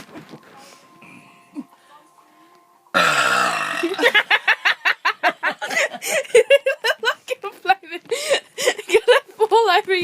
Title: More random burping!!!